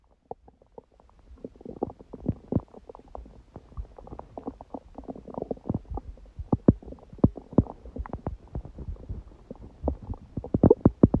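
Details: Stomach growling recorded at 1:30 after waking from sleep, following too much udon at 19:30; the owner suspects the gut was surprised by gluten after a long break. Continuous low gurgles, squeaks and pops, growing busier: borborygmi.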